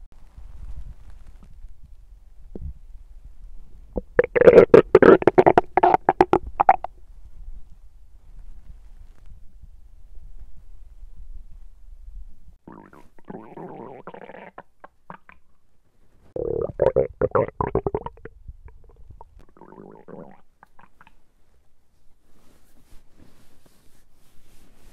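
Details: Loud gurgling and rumbling stomach sounds in several bursts, recorded when trying to capture hunger sounds but described as good digestion sounds; active bowel sounds (borborygmi).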